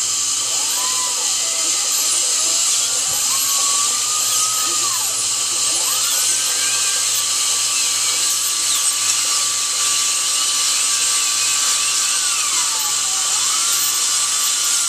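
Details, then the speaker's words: Steady high-pitched whine of a dental drill with pitch sweeps as it runs and slows, the last drilling while preparing a tooth for a bonded white filling; patient comfortable. "Okay, and this will be the last of the drilling."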